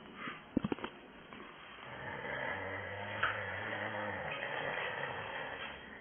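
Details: A person asleep and snoring: a few sharp noises, then a long, low rumbling snore on one slow breath with faint room noise, before others try to wake him. Snoring.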